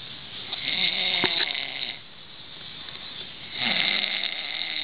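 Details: Loud rasping snores on each breath with a pause between them, from a man sleeping on a couch; plain snoring.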